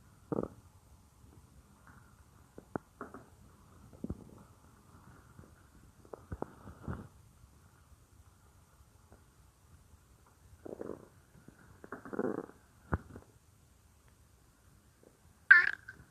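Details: Woman's belly heard as if lying on her stomach while she works at the computer, stomach growling roleplay; scattered low gurgles and rumbles; bowel sounds (borborygmi).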